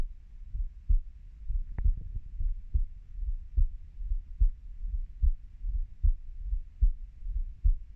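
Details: Heartbeat of a 30-year-old: steady low thumping, paired beats clearly heard, about 72 beats a minute; normal heart sounds.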